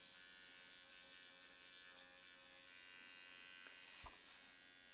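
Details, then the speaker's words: Faint, steady high-pitched buzz from a nanoneedling pen, run against skin around the mouth with serum, with quiet room noise. "Wherever you have that little bit of gold, just go over it again. It helps to break it down, get it down into the skin."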